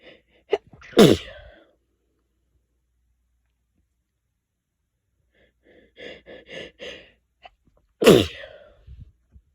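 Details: Two loud, sudden sneezes, each preceded by a quick breath in, with a brief run of sniffing between them: repeated sneezing.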